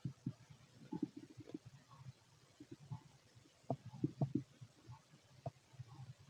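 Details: Fit adult male's abdomen auscultated with a stethoscope, giving soft irregular gurgling and bubbling bursts: stomach growling, bowel sounds (borborygmi).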